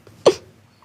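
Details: 21-year-old woman with Tourette syndrome, a neurological disorder of involuntary motor and vocal tics; a vocal tic.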